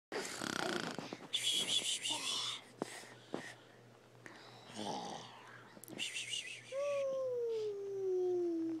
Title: Fake snoring